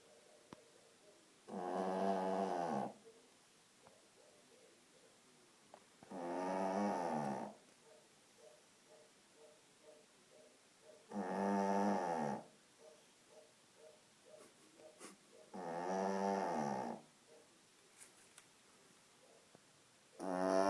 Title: Funny Dog snoring